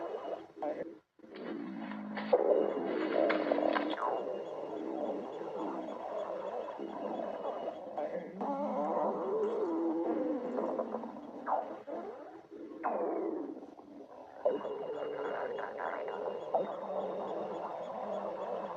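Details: A girlfriend's stomach growling: long, gurgling, rumbling tones with shifting pitch and squeaky rises, from gas and fluid moving through the gut.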